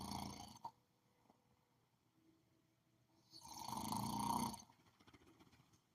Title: Snore like a bear #sleeping #shorts #video #video